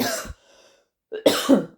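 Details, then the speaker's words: Two short, harsh cough bursts from an adult, separated by a brief pause, from someone who had just started coughing unexpectedly. "it's going to be something that's quite hard for you to talk about because I've not got a cough and I've just started coughing, as you can hear."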